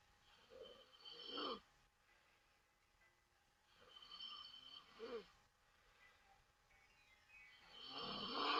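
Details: Taiwanese adult woman sleeping with mouth open: slow, loud snores roughly every three to four seconds, rough and rattling on each breath, with faint background music; snoring.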